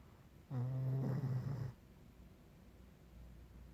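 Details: Snoring: one long, low, rattling snore lasting about a second, then quiet room noise.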